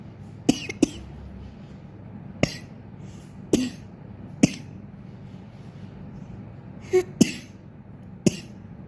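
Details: About eight short, sharp coughs in a quiet room, set off reflexly during ear canal cleaning; the coughing is the reaction to the cleaning.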